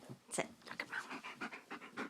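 Rapid, rhythmic open-mouthed breathing from a dog: panting.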